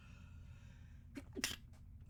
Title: Stifled Sneezes